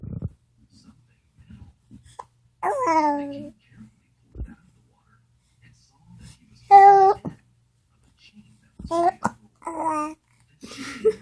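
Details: Baby babbling and cooing through hiccups, with brief abrupt low catches every few seconds, about three in eleven seconds; an adult asks "Do you got the hiccups?"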